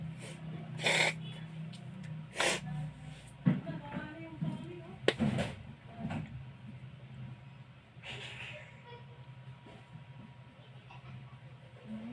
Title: more loud sneezing.